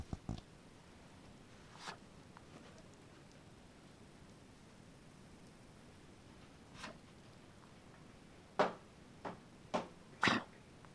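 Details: A dog gives brief, dry hacking coughs, scattered at first, then a quick run of four near the end; hacking cough.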